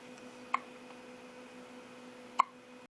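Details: Hiccups for about the third time that day: two sharp, abrupt hiccups about two seconds apart against quiet room hum.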